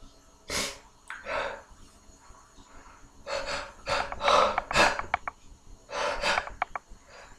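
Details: Several sharp, explosive sneezes during a hangover, in quick clusters with breathy intakes between them; repeated sneezing.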